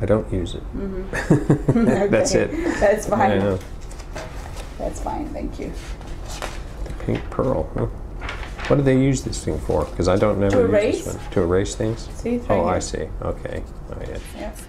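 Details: 56-year-old right-handed man, symptoms starting about five years earlier, describing a picture with trouble finding specific nouns despite intact grammar and motor speech; semantic variant primary progressive aphasia (semantic dementia).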